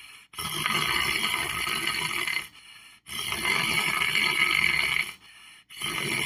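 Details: Person lying on the floor asleep: long, harsh, rasping breaths about every three seconds with short pauses between; loud snoring during sleep.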